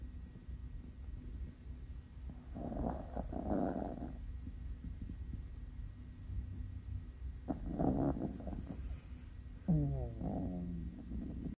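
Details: A small sleeping Maltese puppy that went straight back to bed in the morning gives two rattly, snorting breaths with a faint nasal whistle, then a short squeaky sigh over low room hum: snoring.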